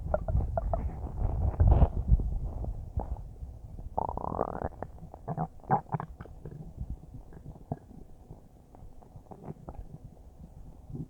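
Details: Stomach recorded about a minute after eating a huge bowl of spaghetti; low churning rumbles with bubbly and squeaky rising gurgles fading to small gentle gurgles, normal bowel sounds.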